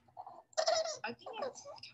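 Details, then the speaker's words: Infant girl with textbook laryngomalacia: short, squeaky, high-pitched noisy inspiratory breaths (inspiratory stridor), more squeaky than snoring-like. "Really cute one she's, on the other, spectrum less snoring granting but more on the squeaky squeaky spectrum let's see if you can play that."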